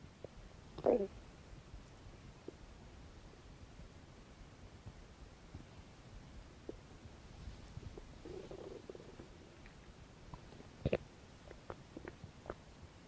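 Quiet, scattered gurgles and a few brief rumbles over steady room hiss; normal stomach growling.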